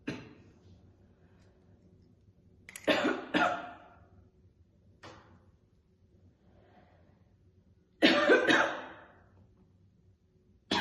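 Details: Woman chain-smoking two cigarettes, dangling them hands-free, with repeated harsh, heavy cough bursts in clusters separated by quiet gaps, plus occasional spitting; a chronic smoker's cough.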